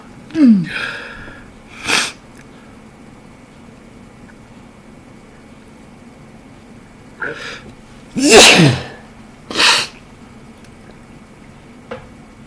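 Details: Man with a cold sneezing in a quiet room: a few sharp stifled sneezes and two loud, full sneezes; sneezing.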